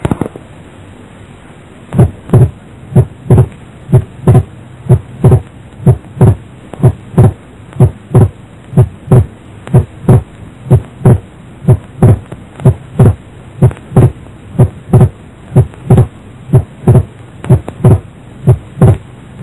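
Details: Second heart sound split widely, its two components moving further apart when the patient breathes in; widened split second heart sound.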